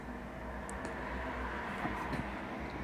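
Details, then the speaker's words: Home portable oxygen concentrator on wheels (1–5 L/min settings) running after switch-on: steady loud hum and rushing air with a faint whine; it takes a minute or two to circulate before the indicator turns green; red means repair needed. "overall uh you don't want to lift it it's pretty heavy uh let it load up it takes a while to circulate and then get fluctuating into it being green"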